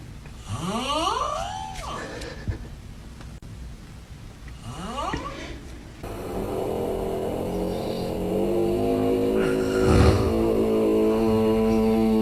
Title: Top 6 funny snoring sound #funny #shorts